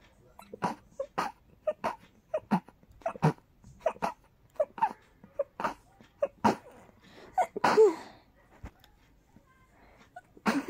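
A rapid string of about fifteen short, soft sneezes over ten seconds, ending with one stronger burst. Ordinary repeated sneezing.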